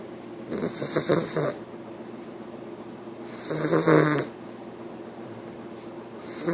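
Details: English Bulldog puppy snoring in its sleep: two loud, rattling snore bursts about three seconds apart over quiet room noise.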